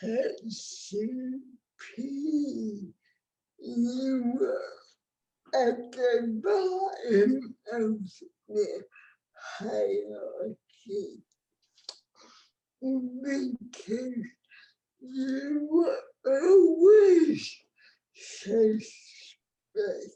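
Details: Dysarthria in an adult woman with cerebral palsy, a disability rights activist born before the ADA; real speech, no speech disorder formally named.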